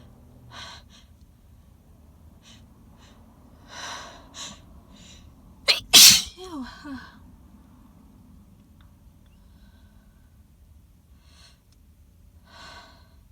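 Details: A single loud, forceful, wet sneeze with soft breaths around it, from an adult's intense pollen-triggered allergic sneezing fit while congested, sitting in a car.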